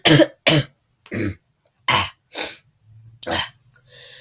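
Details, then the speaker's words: About six harsh, forceful coughs in quick succession separated by short breaths, from a teenage girl, a high school senior, who has been sick at home for a couple of days: repeated coughing during an illness. "I haven't filmed a video in a really long time because of high school. Uh, yeah, so I'm dying."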